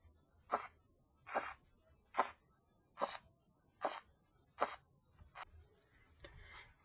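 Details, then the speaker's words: Korotkoff sounds, phase 3, during blood pressure measurement: crackling sounds disappear and crisp, loud tapping repeats regularly, about 72 per minute. "Al iniciar el sonido Corotkov número 3 desaparecen los crujidos y suena un golpeteo fuerte."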